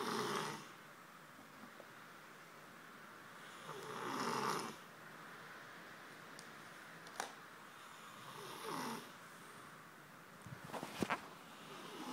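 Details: Man asleep on a beanbag, snoring with slow, rough breaths about 14 a minute, with clicks and small mouth noises between them, as if eating in his sleep.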